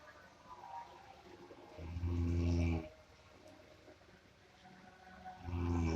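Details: A sleeper snoring, likened to the sound of a buffalo: loud, deep, rumbling snores on two breaths, with a quiet pause between them.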